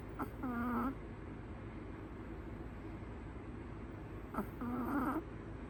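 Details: Female Chihuahua in deep, relaxed sleep in her owner's arms, snoring softly with gentle little snores and quiet whistles on every breath; raw audio with no background music.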